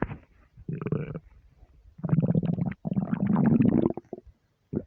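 Deep, long gurgling rumbles in rolling bursts; ordinary stomach growling from an empty stomach.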